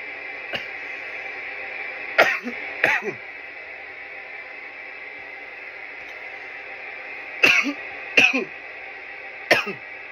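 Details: Coughing fits after smoking from a bong: six harsh, dry cough bursts in two clusters over a steady background hum; irritant cough.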